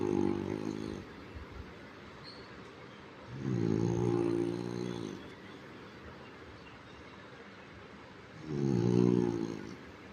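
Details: Sleeping French bulldog: three long, low, rattling buzzes on the breaths, about one every four seconds, with quiet stretches between, loud snoring.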